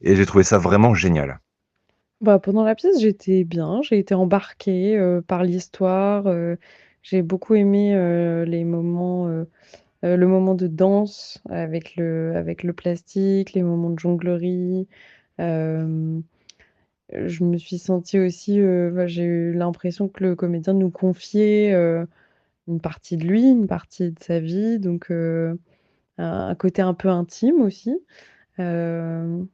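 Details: Adult woman speaking French; fluent speaker.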